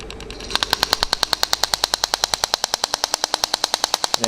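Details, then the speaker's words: Shock wave therapy device firing over the Achilles tendon, the head moved up and down and rotated, focusing on swollen spots and turned perpendicular to the tendon; rapid, regular sharp clicking pulses, about ten shots a second. "So when you're here, you fire the shots again with the head going in this direction, and then changing it perpendicular to the Achilles tendon."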